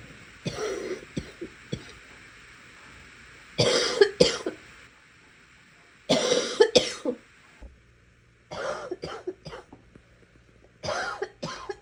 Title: More coughing